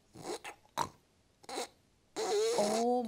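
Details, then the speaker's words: Imitated shallow breathing (hypopnea) in sleep: brief faint breaths then a strained, whistling, snorting struggle to breathe in, as if about to lose its breath. "Feels like it's going to lose its breath It can barely breathe in"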